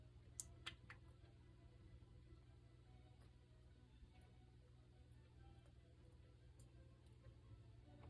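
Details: Goldfish grinding its pharyngeal (throat) teeth, not chewing, even at 2–3 am without feeding; smartphone microphone, volume raised to 140%: sharp clicks, then fainter ticks over a steady low aquarium hum.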